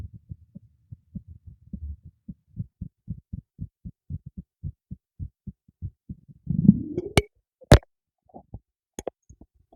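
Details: Adult's own heartbeat recorded with a new microphone secured beneath a teacup: steady, soft low thumps followed by a rumble and sharp handling clicks: normal heartbeat.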